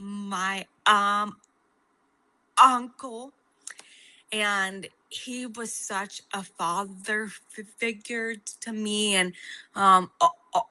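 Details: Adult woman with a stutter since age 4, a fluency disorder, with a word repetition followed by fluent speech; stuttering.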